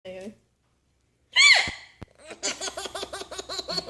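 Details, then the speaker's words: Mother's hiccups, described as a bit squeaky: a single sharp gasping hiccup, followed by her infant son's rhythmic giggling laughter. "Mummy's hiccups funny. They're a bit squeaky, aren't they? Mummy got the hiccups."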